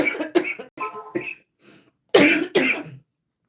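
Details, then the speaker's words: Adult woman with chronic lung disease on high-dose prednisone since 2006: a run of short, harsh coughs, a mild episode of a long-standing chronic cough, far milder than at its onset. "Y'all hear the way I cough now. This is nothing."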